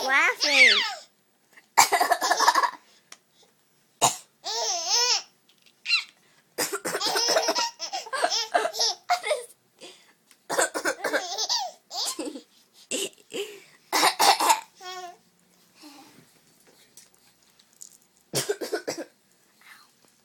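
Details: Voluntary cough by an 11-year-old girl: short, sharp, deliberate coughs, each followed by the bubbly laughter of her 4-month-old infant sister.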